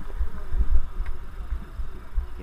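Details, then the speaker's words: Cyclist climbing Alpe d'Huez near switchback 13, helmet-mounted GoPro, hears his own heartbeat: low, fast, regular thumps about 130–150 per minute under wind and road rumble; quick heartbeat during hard exertion. "can hear my heartbeat."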